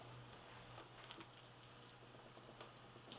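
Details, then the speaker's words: Bubble CPAP for a baby via nasal prongs, with exhalation tubing set 4 cm below the water surface (4 cm H2O pressure): soft, steady bubbling patter over a low hum. "here we can see the bubbling is four CM below the surface of the water 4 cm of water pressure that's the simplest concept of CPAP"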